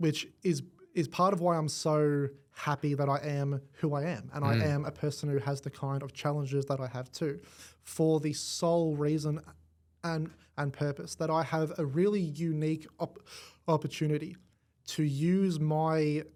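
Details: Adult male with cerebral palsy affecting the left side of his body; stutter described as a symptom of it, first noticed around age five, gone for about a year then returned worse, treated with the McGuire Programme; stuttering.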